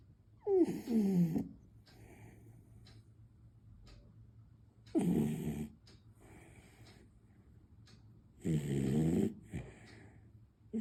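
Three soft, squeaky snoring breaths with quiet pauses between, about 15 a minute; a small dog snoring.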